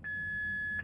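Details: Single steady high-pitched electronic beep under a second from a Philips AED trainer unit (remote-controlled) during pad placement prompts, before the "no one should touch the patient, analyzing" prompt.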